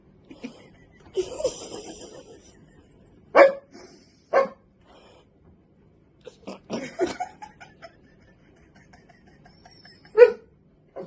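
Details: A hiccup, just after someone says "excuse me".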